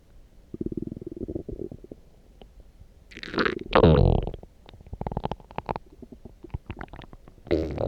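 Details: Loud, low gurgling and rumbling with bubbling pops after drinking coffee; loud stomach growling (borborygmi).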